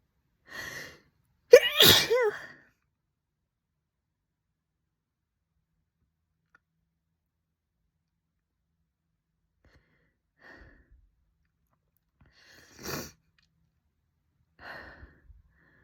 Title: Torturous Chhinkini Sneezes (F)